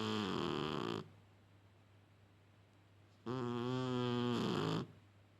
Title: happy snoring cat